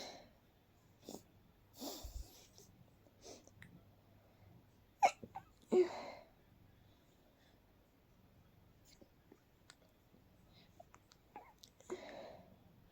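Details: Night-time sneezing fit deliberately stifled to avoid waking others: a run of quiet, muffled, held-back sneezes with soft breaths between them in a hushed room.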